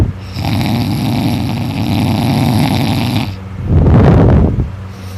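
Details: Student asleep after staying up late studying, snoring all night, throat sore afterward: very loud, harsh, vibrating snores on breathing in, two long rattling breaths in five seconds; loud snoring.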